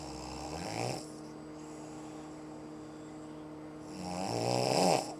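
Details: Heavy snoring from an adult mother sleeping on vacation at 5:05 am, keeping family awake: two loud, rattling inspiratory snores separated by a quiet pause, steady background hum.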